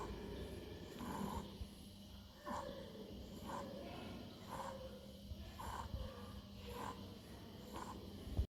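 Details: Paediatric inspiratory stridor: repeated harsh, noisy breaths about every second, a high-pitched rasping sound on each breath in, from a narrowed upper airway.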